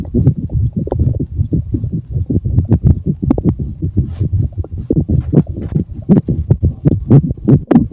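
Continuous low rumbling and gurgling with irregular pulses throughout; ordinary stomach growling, a normal sound of gut movement.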